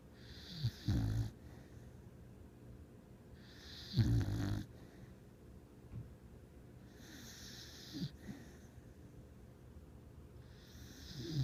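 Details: Snoring dog, dreaming: low, throaty snores about every three seconds with faint snuffles and twitchy breaths between them during sleep.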